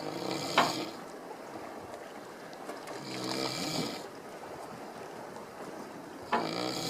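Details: Snoring: breathy, rasping snores a few seconds apart, with a sharp snort at the start and end, in a quiet room.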